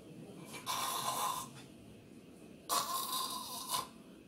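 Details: Snoring and sleep apnea example: two harsh, rattling snores with a whistling edge, said to come from the tongue being sucked backward into the airway, a sign of entering a riskier stage.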